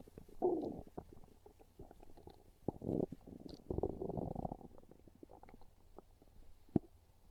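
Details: Soft, low gurgling and rumbling bowel sounds from a hungry person's stomach: typical hunger stomach growling (borborygmi), a normal finding.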